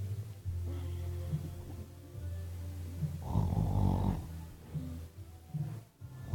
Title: Snoring part 2